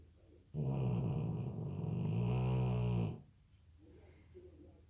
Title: snoring